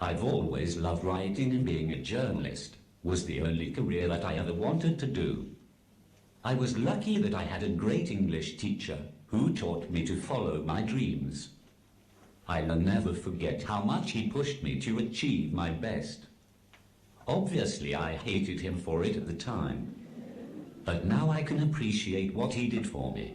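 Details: Text-to-speech communication aid used by an adult man; Synthesized speech from a speech-generating device.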